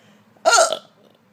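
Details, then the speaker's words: Adult woman after gastric bypass surgery, mid-fit of repeated, body-shaking, painful hiccups: a single abrupt voiced hiccup with a sharp onset and a brief vocal catch; hiccup. "and it's not just like a regular hiccup it makes my whole body shake and they go on over and over"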